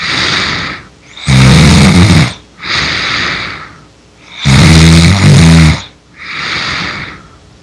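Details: Simulated snoring, a Mabinogi video game sound effect: loud, rough snoring, deep rumbling inhalations alternating with hissing exhalations, about 18 a minute, getting louder.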